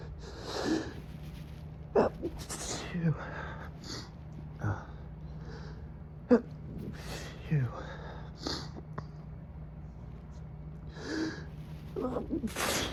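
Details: Adult man at 3 a.m., nose itchy and runny from pollen, triggered by turning on motel AC: run of muffled, deliberately stifled sneezes with quick breaths between, intensifying toward the end.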